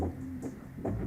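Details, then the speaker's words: Fetal heartbeat on an obstetric ultrasound scan: rapid, regular whooshing thuds at roughly 140 a minute, a normal fetal heartbeat. "And when we hear the big thud of the heartbeat, you just know that that the baby's okay, you know, and everything is"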